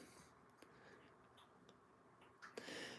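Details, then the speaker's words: Single sneeze from Calvin, a Boston Terrier born October 2019, during a livestream: quiet room, then a sudden sharp, hissing burst of air near the end. "Bless you, Calvin. You just sneezed. You guys hear that? Gesundheit."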